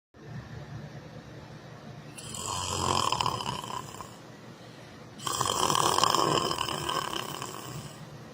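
Two loud, harsh snores, each about two to three seconds long, with a rough fluttering rasp on the breath in.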